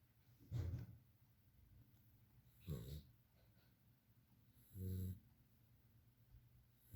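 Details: 2-month-old puppy snoring while asleep: three low, rough snoring breaths in a quiet room, about 28 per minute.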